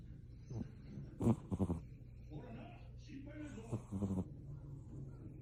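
A sleeping cat makes soft, low rumbling snores with a couple of noisy breath bursts over a steady hum: ordinary snoring.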